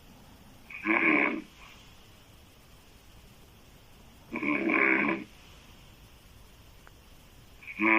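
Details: Woman's loud, harsh, rasping open-mouth snoring, described as sounding like a man's, every three to four seconds with quiet pauses between.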